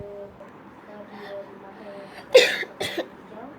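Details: Two short, sharp coughs from an adult over quiet background noise; cough.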